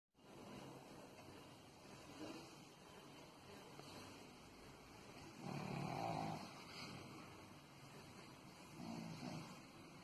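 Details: 7-month-old pug puppy sleeping on owner's lap, soft noisy snoring with louder rumbling breaths every few seconds, like an old man, over a steady background hum; snoring.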